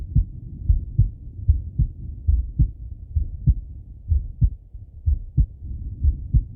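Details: Male heartbeat and breathing auscultated through stethoscope: soft paired heartbeats near 60 a minute under muffled stethoscope rumble, faint breathing behind; normal heart sounds.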